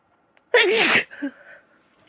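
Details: Woman with a congested cold sneezing: a single loud, explosive sneeze with a voiced onset, then a brief sniffly exhale, in a quiet room.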